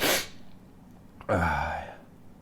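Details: An adult induces sneezing by putting a stiff paper or cardboard tag into the nostril: a sharp sneeze burst, a short pause, then a voiced sigh or a second sneeze.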